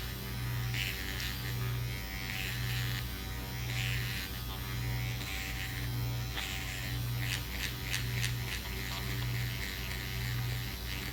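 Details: Self-performed facial microneedling with a Dr. Pen A7 (12-pin cartridge, 34-gauge needles) after 5% lidocaine numbing, second treatment, circular passes at 0.75 mm on the cheeks; low steady buzzing rising and falling about once a second, faint music.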